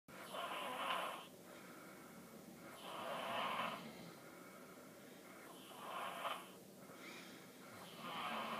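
Rhythmic rough, rattling breath noises recur about every two to three seconds, roughly 22 a minute, with quieter gaps between: snoring.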